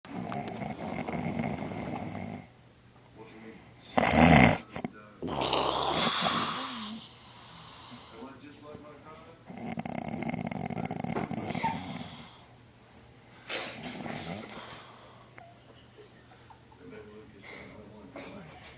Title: grandpa snoring loud